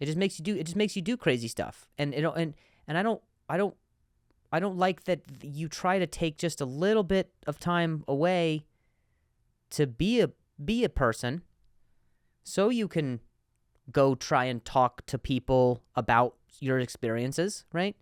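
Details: Adult man who stutters and finds some words harder to say on some days; repetitions of words and syllables; stuttering.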